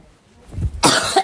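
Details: Adult woman in a coughing fit while doing her makeup, afterward saying she feels she'll be sick and it never happened before: a harsh, explosive barking cough burst.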